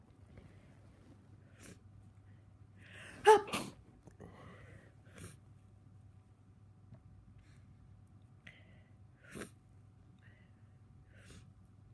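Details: Person with a tickly head cold: a run of about four sneezes with small catch breaths in a quiet room; repeated cold sneezing.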